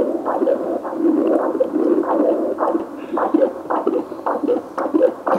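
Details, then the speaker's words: Rhythmic whooshing pulses of blood flow, roughly 100 a minute, from pulsed wave Doppler on a SIUI Apogee 2300 ultrasound machine, gate placed with colour Doppler guidance and tissue harmonic imaging on. "the sound is too noisy for your patients hold down the FN key and click minus and that will turn off the sound"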